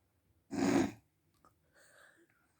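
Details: Loud harsh snort through nose and throat during sleep, then faint quiet breathing; a huge sleep snore from a woman (mum).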